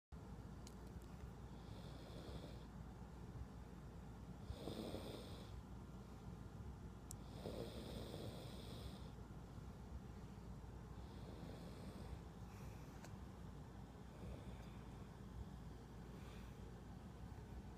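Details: Person snoring on an airplane: rough, rattling breaths on each inhale, about five cycles in eighteen seconds, steady engine drone.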